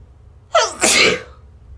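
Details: A quick inward gasp followed by one forceful sneeze burst after the nose is tickled to provoke it; a single sneeze.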